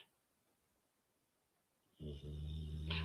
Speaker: Can you hear? My walls are shaking. She is snoring so badly.